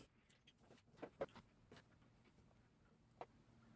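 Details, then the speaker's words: Adult after Botox injected into the upper esophageal sphincter for retrograde cricopharyngeal dysfunction, unable to burp for 21 years: a few tiny, soft throat clicks and gurgles in a quiet room; micro burps. "So the way they do this is they inject Botox into your upper esophageal sphincter. So the problem I have is I guess my sphincter's too tight or something, and they need to inject some Botox"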